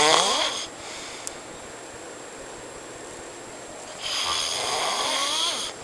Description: I video taped my friend snoring in his sleep its so loud and hilarious!!